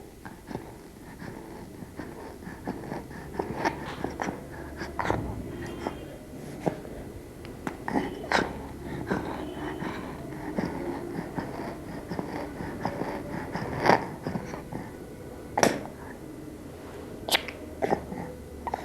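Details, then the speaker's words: Expiratory wheeze heard in a child (2 months to 5 years) in a WHO IMCI training exercise on assessing a sick child: noisy breathing with wheezing on breathing out, judged not stridor (stridor is harsh sound on breathing in). "we heard a wheezing sound when breathing out therefore we decided that did not have stridor"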